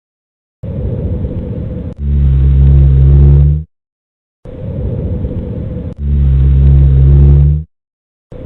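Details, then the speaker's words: You are listening to rhonchi: breathing at about 15 a minute with low, snoring, rumbling tones on breathing out. "You are listening to Ronka."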